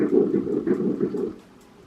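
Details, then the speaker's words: Early fetal heartbeat on a first-trimester ultrasound, between weeks 7 and 13: brief, rapid, regular whooshing pulses; the baby measures 1.6 cm and growth is reported as appropriate. "But I was able to get a clip of ultrasound where you can also hear the heartbeat."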